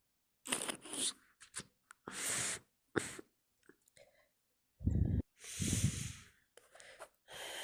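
A run of sharp, wet-sounding sneezes with snorts and sniffing in between, a sneezing fit.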